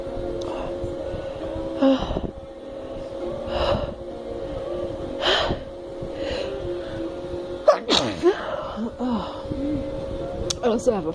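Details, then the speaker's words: Snuff-induced sneezing in a female (menthol snuff, earlier black pepper and paper-towel tickling), nose still burning, fan running: several sniffs and catching breaths over fan hum, then one forceful sneeze; ordinary induced sneeze. "still feel the burn so i'm guessing i could get some more sneezing out oh my god this is like my best video yet"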